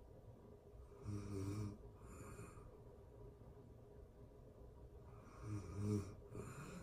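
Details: Real-time recording of a person asleep: soft, low, fluttering snores with short snorts, two breath cycles about 4.5 seconds apart, over faint room hum; gentle snoring.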